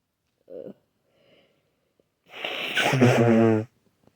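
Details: Person with an itchy, sensitive nose who can't breathe through it because it's clogged: a short sniff and catch of breath, then a loud, wet, drawn-out sneeze with voiced release; a single sneeze.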